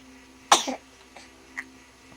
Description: got the hiccups...